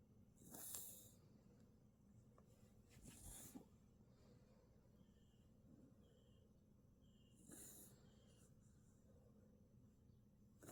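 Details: Pet coughing: three short, breathy, hissing bursts spaced a few seconds apart.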